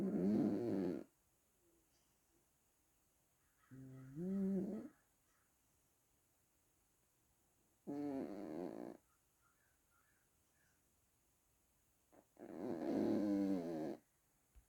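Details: A sleeping cat snores in slow rumbling bursts separated by quiet pauses; snoring.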